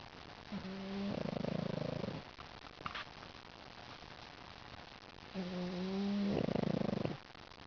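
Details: Pug snoring while sleeping: two long, loud, rumbling, buzzing breaths about five seconds apart, each with a low grunt at the start.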